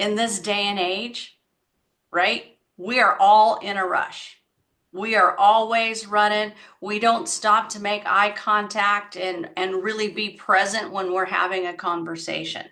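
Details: Adult woman speaking; typical speech.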